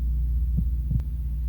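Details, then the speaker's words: Two soft low thumps over a deep hum, presented as the mother's heartbeat a baby hears and feels in the womb; a normal heartbeat. "when you were in your mother's tummy what you heard all day long was her heartbeat and not only did you hear it you felt it around your body"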